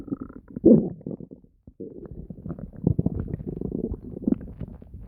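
Loud, continuous gurgling with deep growls from the stomach, with a short quiet gap; ordinary bowel sounds (borborygmi).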